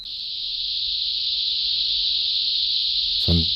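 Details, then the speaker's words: A steady, high-pitched hiss runs throughout, a simulation of hissing-type tinnitus; a voice begins near the end. "En otros casos, el sonido se parece más al sonido que haría un grillo, a lo mejor como esto. En otros es una especie de siseo."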